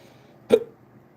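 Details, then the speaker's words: Adult during a live stream: a single sharp, abrupt vocal click-gulp against a quiet room, an involuntary hiccup. "This is not how I pictured my live going today where I have the hiccups."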